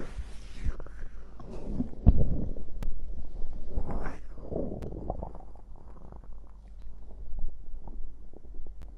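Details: Stomach growl after drinking cider (fizzy drink): soft, low gurgling and rumbling with scattered bubbly pops throughout; ordinary borborygmi.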